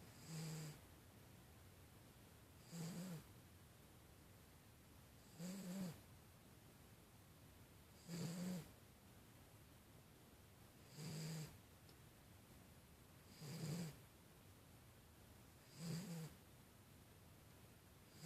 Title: Snoring cat